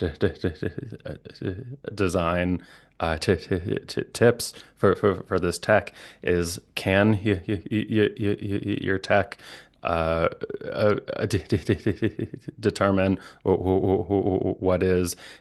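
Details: Adult man, a licensed speech-language pathologist who stutters, with repetitions and blocks; stuttering.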